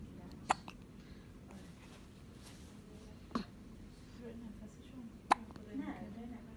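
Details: Newborn baby with hiccups: three brief sharp hiccup clicks roughly every 2.5 seconds over quiet room noise.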